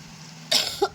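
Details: A single harsh cough with a brief voiced tail in a quiet room, from a woman whose fever returned after an injection, with a red face and headache after getting soaked at the market.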